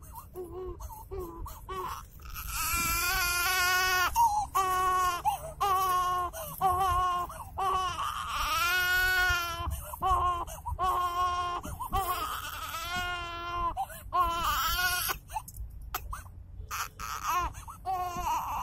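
Sustained, high-pitched wailing cry in repeated bursts with brief gasping breaths between: an infant crying.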